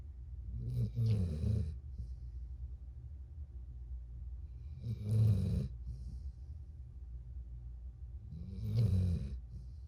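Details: Dog sleeping next to its owner, snoring: slow, rattling snores about one every four seconds with quiet pauses between.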